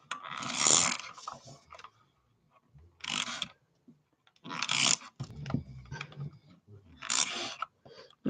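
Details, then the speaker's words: Pet dog snoring in the background. "My dog is snoring in the background. Y'all hear it?"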